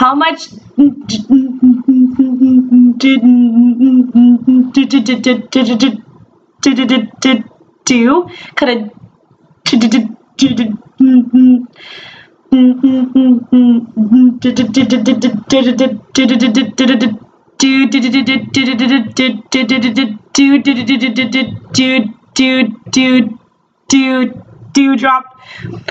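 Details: Adult woman who stutters saying a tongue twister on her feared hard D sound, with word repetitions; stuttering.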